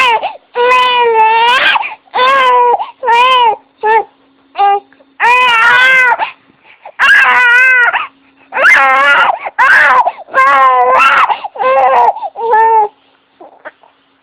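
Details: Infant girl, being rocked, startled by a loud adult sneeze: she cries in repeated strong, wailing bursts with brief gasping pauses.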